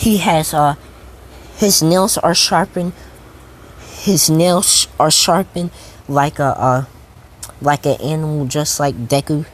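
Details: Male speaker who states he stutters a lot; stuttering.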